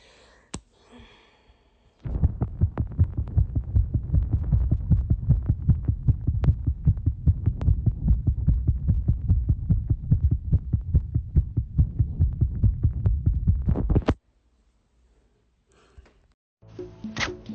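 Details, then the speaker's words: Fast heartbeat just after running, picked up by a phone held on the chest: rapid, steady low thumps at roughly 150 a minute, a normal fast beat after exercise. "I just finished running, so let's try."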